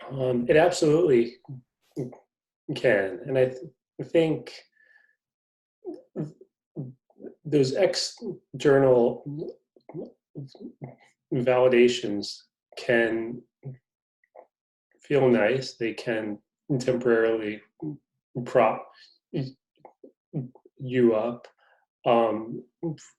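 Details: Stuttering in an adult man, a magazine reporter who describes himself as a person who stutters; his stutter is noted as quite evident in conversation.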